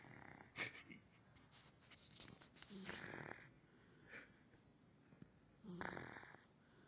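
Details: Sleepy dog snoring: soft, wheezy snorting breaths, a few in several seconds, with light room noise; a sleeping dog's snoring.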